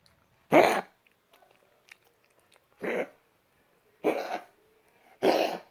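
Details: A dog named Oscar coughing: four short, harsh coughing bursts spaced a second or two apart in a quiet room.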